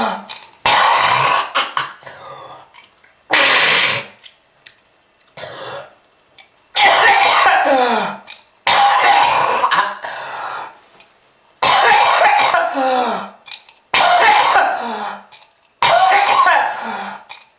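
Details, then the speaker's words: Repeated long, harsh, wet coughing fits separated by pauses, from a smoker said to have lung disease, with red-coloured material mentioned; a heavy smoker's cough. "ah that red color is not from fruit punch kids if you want this to happen to you just keep smoking this is lung disease ah"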